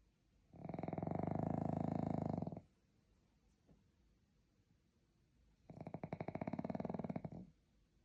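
Two long, loud, rattling snores, each about two seconds, with a quiet pause between; typical snoring of a flat-faced dog.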